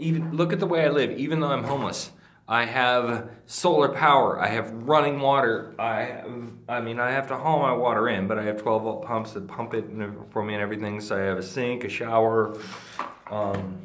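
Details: Ataxic dysarthria in a male speaker with Friedreich's ataxia, a degenerative neurological disease that he says slurs his speech and also causes difficulty swallowing.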